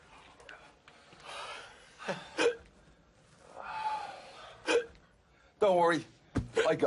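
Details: Several abrupt, sharp voiced hiccup-like bursts with gasps between them; simulated hiccups acted in a staged WWE comedy skit; hiccups.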